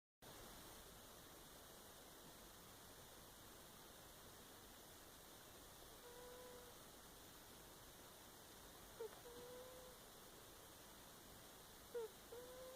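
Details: Sleeping cat with wheezy snoring: faint whistling snore tones about every three seconds under steady background hiss.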